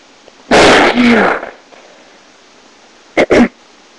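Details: Adult sneezing into a handkerchief, recorded with a webcam at poor sound quality: one loud sneeze, then a quick muffled double sneeze.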